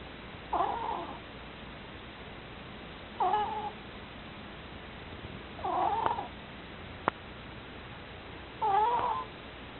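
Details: Pet ferret snoring.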